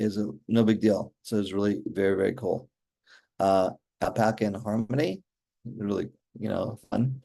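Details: Adult male stroke survivor with aphasia since a stroke during mitral valve surgery in 2007, former paramedic; word-finding pauses, fillers and ungrammatical phrasing; aphasia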